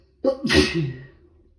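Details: Adult on day 2 of a cold, waking in the morning with prolonged rapid sneezing fits: one sharp, forceful sneeze with a quick breath in before it, then a fading exhale, in a quiet room.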